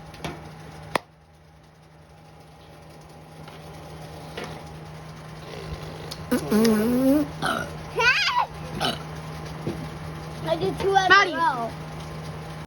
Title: The Burping Contest